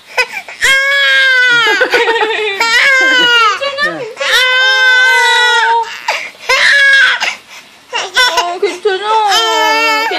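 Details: A baby aged 5 months 21 days, startled by the father's cough: loud, high-pitched crying in repeated bursts with sobbing breaths between; an infant cry.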